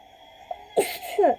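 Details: Japanese girl sneezing during a livestream; she says her nose is very itchy, worse than usual, then uses a tissue twist (koyori) to induce sneezes; a single sharp, explosive sneeze with brief voiced intake and higher-pitched release in a quiet room.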